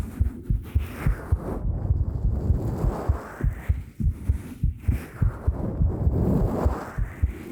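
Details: Steady, muffled low heartbeat thumps recorded close-up with a 3Dio Pro binaural microphone in an ASMR recording, with soft background hiss: normal heartbeat.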